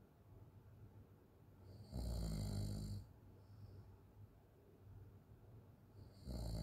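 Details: Person snoring with an open mouth during sleep: two loud, low, rattling breaths about four seconds apart, separated by quiet exhalations.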